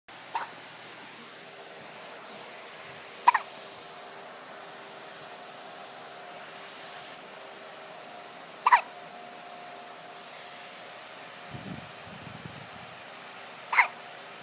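Four sharp, brief hiccups at irregular intervals over about fourteen seconds, against quiet room hum.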